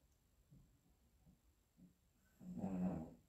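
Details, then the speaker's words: Sleeping male pet, likely a cat, snoring loudly; the owner says it is worse than a man. Soft, low rasping breaths repeat in a quiet room, then one louder snore. "Non, mais vous l'entendez ronfler? Écoutez, écoutez, écoutez. C'est pire qu'un mec."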